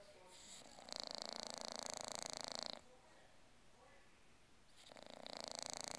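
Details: Male English Bulldog asleep with his tongue sticking out, as usual: loud, buzzing, fluttering snores about two seconds each, with quieter pauses between; flat-faced dog snoring.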